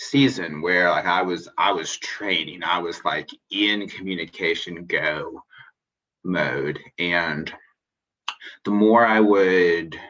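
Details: Stuttering in an adult man who identifies as a person who stutters; finding: stuttering.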